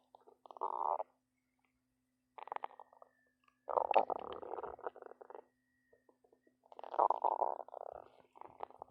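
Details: A person's own belly growling a lot: bursts of gurgling, bubbling rumbles with short pauses and a faint steady hum behind; ordinary stomach growling (borborygmi).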